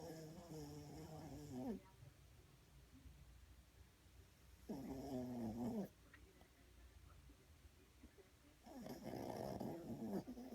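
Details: Snoring: three drawn-out, buzzing snores about every four seconds, with quiet breathing between them over soft background noise.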